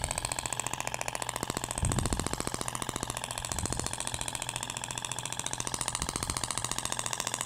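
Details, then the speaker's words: IBRAMED Thork radial shockwave device (max 200 mJ) firing during live abdominal aesthetic treatment near the umbilicus, with a different applicator tip that sounds different: rapid steady tapping at about 15 pulses a second, brief thud partway. "agora vai para o sentido até o barulho é diferente da ponteira de cordas"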